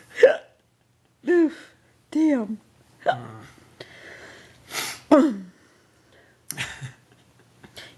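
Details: Person hiccuping repeatedly, with abrupt voiced hiccups at irregular intervals, while another person burps after eating pizza; brief talk.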